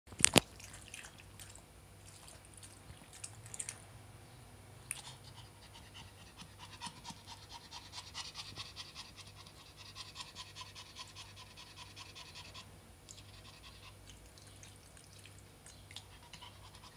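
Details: Small dog, a Prague ratter, on a very hot summer day, gasping for air; rapid, shallow, labored panting consistent with heat-related respiratory distress.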